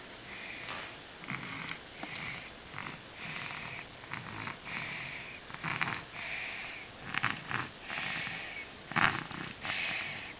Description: sleeping on her belly snoring.